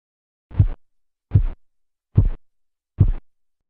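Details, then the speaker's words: Phase 1 Korotkoff sounds over the brachial artery during manual cuff deflation: four clear, regular low tapping sounds at about 72 a minute, marking systolic pressure in adults and children. "sonidos corresponden a la fase 1 de los ruidos de korotkov e indican la presión sistólica para adultos y niños"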